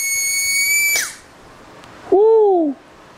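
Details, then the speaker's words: Old Precision Torque air-driven high-speed dental handpiece with a manual chuck, run free on a flow meter during an airflow test: a high, steady whistling whine that winds down, followed by a brief exclamation. "Next, we've got this uh it's a precision torque old manual handpiece. Oo, that burr."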